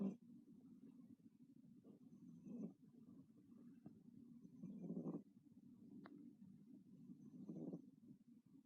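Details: Sleeping cat snoring: soft, low, rough breathing noises in slow cycles, about three long breaths heard.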